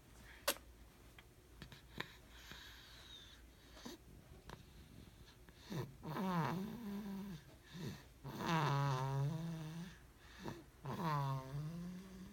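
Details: A sleeping person snoring in a quiet room with soft clicks: three loud, rattling inspiratory snores a few seconds apart. Ordinary snoring.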